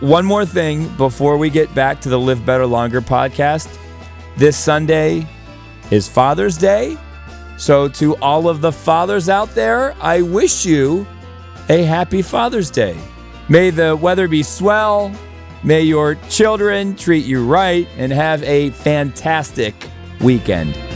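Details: Adult male podcast host; normal speech.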